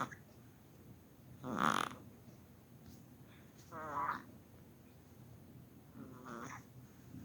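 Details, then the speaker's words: Infant, a newborn or young baby, with laryngomalacia: squeaky, crowing noise on each breath in, about 25 a minute. Inspiratory stridor, described as usually harmless and resolving with time without medication. "तो इस तरह की आवाजें होती हैं और ये वक्त के साथ खुद ही खत्म हो जाती हैं, जिसके लिए आपने परेशान नहीं होना, ना किसी मुआलिज या डॉक्टर को दिखाने की जरूरत है, और इसके लिए दवाइयों की जरूरत नहीं है।"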